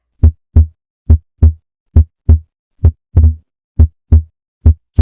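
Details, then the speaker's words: Physiological (transient) split S2 at the pulmonic area, quiz example: S2 splits on inspiration and becomes single on expiration, a normal respiratory variation; regular heartbeat near 67 per minute. "Split on inspiration. Gone on expiration. Classic physiology. The correct answer transient split S2. This is the normal respiratory variation of S2 splitting."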